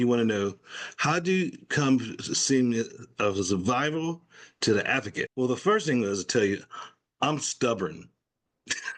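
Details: Adult male stroke survivor with aphasia after the stroke, in ongoing recovery, speaking spontaneously in conversation; aphasia.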